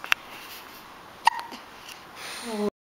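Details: Infant hiccups: two sharp, abrupt hiccups about a second apart, the second followed by a small squeak, then a brief fussy whimper as the baby seems startled by his own hiccups.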